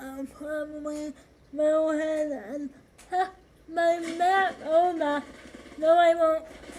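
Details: 25-year-old woman with cerebral palsy affecting hand movement and walking, speaking during a live gaming stream; dysarthric speech in cerebral palsy.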